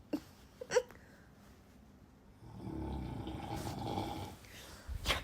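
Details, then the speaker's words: Husband snoring deeply, not waking to nearby talking: a low, rumbling snore on a long breath in a quiet room, with a few brief background noises. "to me the most annoying sound in the world is snoring I'm about to smother him it's making me crazy I can literally talk to you like this and he won't wake"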